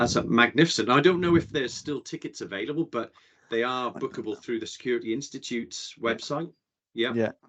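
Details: Adult man speaking; typical speech.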